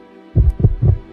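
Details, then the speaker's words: Normal heart sounds: low, dull lub-dub thumps, with lub from mitral and tricuspid valve closure as the ventricles contract and dub from aortic and pulmonary valve closure as they relax. "Between and around these chambers are 4 valves, biological doors that open to let blood through and snap shut to prevent it flowing backwards. You can actually hear them, that familiar lub-dub of a heartbeat."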